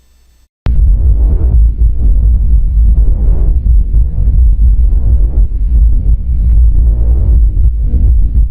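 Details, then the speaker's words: Recorded normal vesicular breath sound over the chest: soft, low rustling, with inspiration louder and longer than expiration, expiration nearly absent. "o som vesicular ou murmuro vesicular é um som suave bem menos intenso do que o som traqueal só que aqui a inspiração é mais intensa e mais prolongada do que a expiração"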